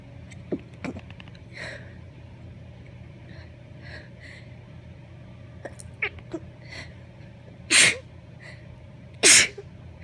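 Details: Adult female with allergies, sitting in her car after a pumpkin patch visit: several small stifled sneezes and sniffs, then two full forceful sneezes, over low engine hum; repeated allergy sneezing.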